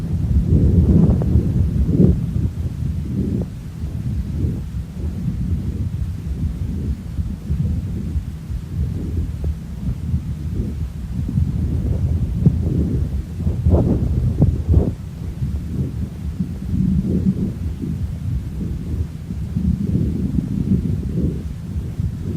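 Low, soft rumbling breath sounds over a horse's chest, with gentle swells; normal equine lung sounds.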